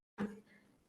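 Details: 7-year-old boy with sensory hearing impairment, using hearing aids since age 4 without meeting his hearing needs, later cochlear implant candidate; not yet producing clear meaningful words; unclear speech from hearing loss.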